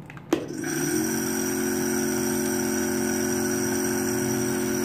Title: HOW TO USE A NEBULIZER MACHINE | NEBULIZER FOR BABY | NEBULIZATION | NEBULIZER KAISE USE KARE | Urdu